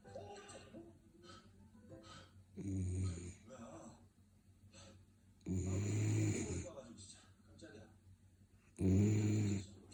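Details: Sleeping Labrador Retriever puppy snoring: three loud, low rumbling snores about three seconds apart, around 20 breaths a minute, with quieter breathing between.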